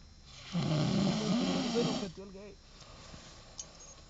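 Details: Snoring in a person described as having drunk too much agave liquor: one long, loud, vibrating snore on an in-breath, then a short voiced snort and quiet.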